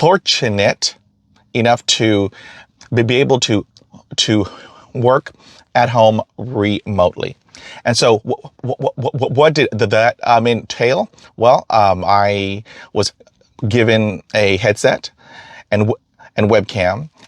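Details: Man who stutters, self-identified, with phrase repetitions heard; stuttering.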